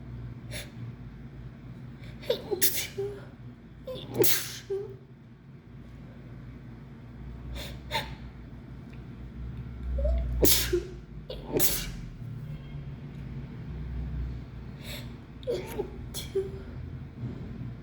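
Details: Person who thinks they caught the flu, with lots of nasal discharge, sneezing in fits of up to 15 in a row: repeated sharp sneezes in quick succession with gasping in-breaths, over low room and traffic noise.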